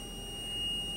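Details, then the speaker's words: Steady high-pitched continuous tone from a Zoll ZR series training defibrillator after analysis during CPR demonstration, signalling charged and ready to shock with shock button lit; simulated BLS training. "analyze tells me to stand clear now that button is lit up telling me to shock it"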